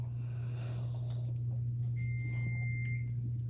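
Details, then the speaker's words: A steady high-pitched electronic tone lasting about a second over a loud low room hum: an IV pump alarm on a labouring Cane Corso dam receiving IV fluids and calcium while whelping. "there's an IV hooked up to her that's speaking"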